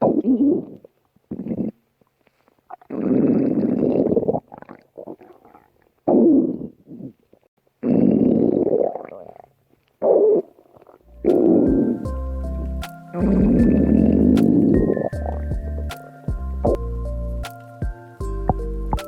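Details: Woman's stomach growling while wearing a swimsuit: irregular low gurgling and rumbling bursts of borborygmi, with music joining in the second half.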